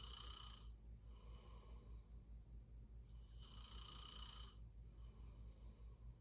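Low, rumbling snores that come and go with each breath, over steady room noise; ordinary snoring during sleep.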